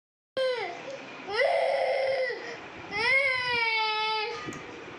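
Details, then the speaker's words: Young boy crying in long wailing bursts with a clear tonal voice in a small room while being asked why he is crying. "મારો આજે રડે છે તું કેમ રડે છે"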